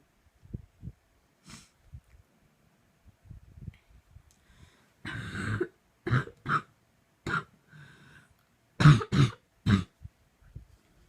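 Deep, chesty coughs in repeated bursts, with throat-clearing and wheezy breaths drawn in between. An ongoing coughing fit.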